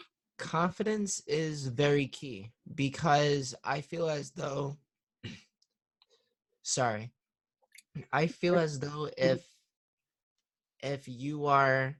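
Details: 21-year-old male stuttering-therapy client with audible word repetitions; stuttering.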